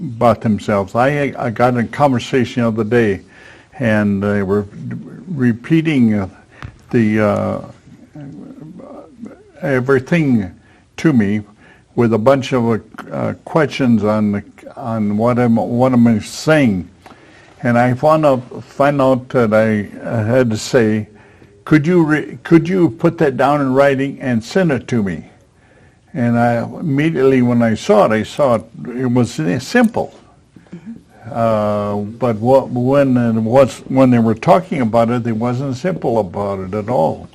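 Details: Aphasia in a man after a stroke at age 73, previously in a professional career; hesitations and repetitions are heard.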